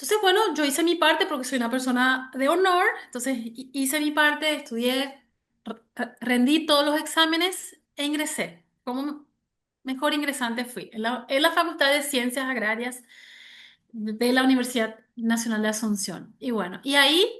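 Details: Adult woman who has stuttered since age 6, onset linked to her parents' divorce; severe in childhood, now mild (about 80% fluency) and cyclical, mainly blocks; word repetitions heard; stuttering.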